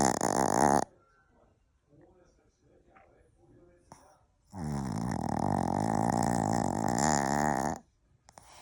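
A puppy's snoring: a long, rough, buzzing snore after a quiet pause with faint breathing noises.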